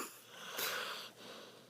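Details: Dog snoring while held in owner's arms: a single airy, whistling nasal breath during sleep, light snoring.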